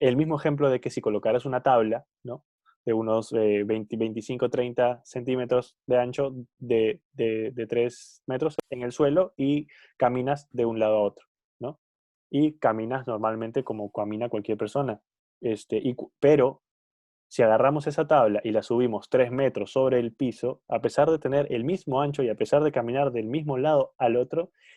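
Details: Stuttering in an adult who stutters, one of two adults who stutter in a Spanish podcast conversation.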